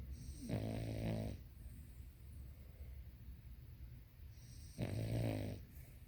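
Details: Sleeping dog snoring: two loud, rattling snores about four seconds apart, with quiet breathing between them.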